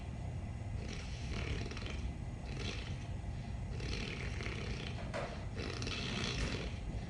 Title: Most funny snoring video ever!!!